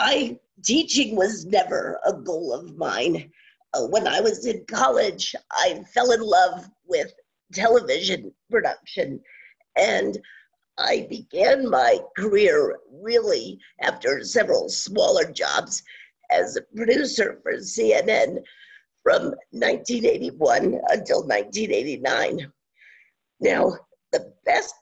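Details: Adult woman with scratchy voice from spasmodic dysphonia, worsening since about 2010, no cure, treated with Botox shots; spasmodic dysphonia.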